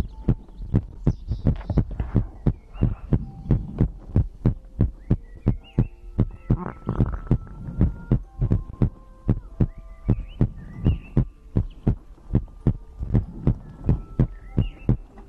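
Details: Heartbeat recorded as an ASMR compilation of the person's own heartbeat and breathing for sleep: regular deep thumping, fairly fast at about 130 beats a minute, with faint humming tones behind.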